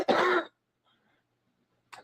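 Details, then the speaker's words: An adult's cough during a live stream. "You hear the coughing. And I was doing so well."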